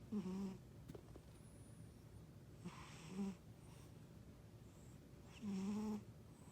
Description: I thought my husband was snoring, found out it was my cat !!